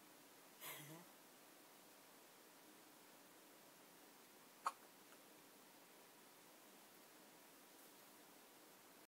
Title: First hiccups